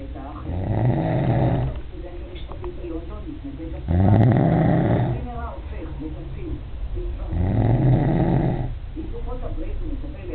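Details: Adult man filmed asleep after he denied snoring; loud, deep, rattling snores about every three seconds with quieter breathing between; snoring.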